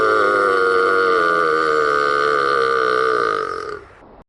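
One long, steady, voiced burp of about four seconds that fades out at the end.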